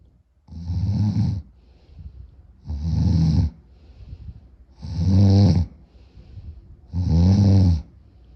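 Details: Loud, rumbling snores on each breath in, with quieter breaths out between, about 14 breaths a minute: heavy snoring with sleep apnea during a short nap; the snorer says the snoring was louder from being more tired.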